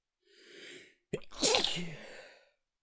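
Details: Person woken with a nose tickle holds back a sneeze to avoid waking others: a soft in-breath, a short catch, then one hissing, muffled stifled sneeze.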